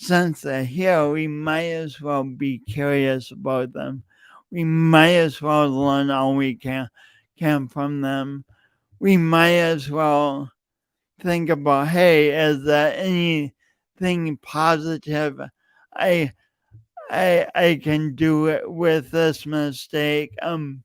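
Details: Adult man with a self-reported speech impediment, present for years and audible whenever he speaks; stuttering-like speech disfluency with repeated words.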